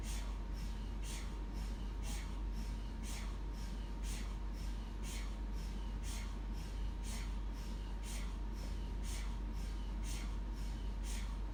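Steady loud low hum with a constant tone and rhythmic pulsing knocks about twice a second, typical of an MRI scanner running.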